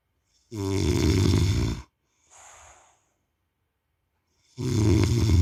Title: खर्राटे की आवाज ... !!! Snoring sound...!!!